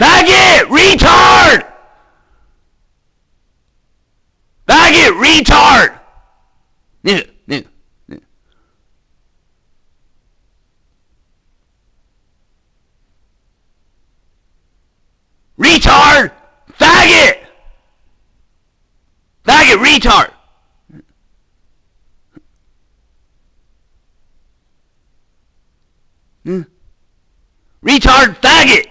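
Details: Speaker with Tourette syndrome producing a series of involuntary shouted offensive words; vocal tics with coprolalia (Tourette syndrome).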